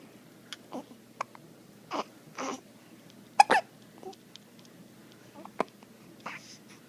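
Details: Soft, short catching hiccup sounds recurring at irregular intervals in a quiet room; hiccups.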